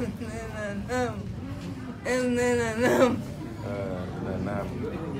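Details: Female patient with post-stroke dysarthria (unclear articulation) for 4 years, worsened since last winter, with tongue deviating to one side; recorded during acupressure after years of acupuncture, when her speech is said to be somewhat clearer than before.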